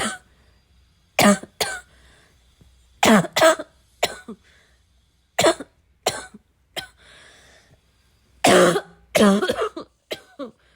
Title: my chest really needed a good coughing fit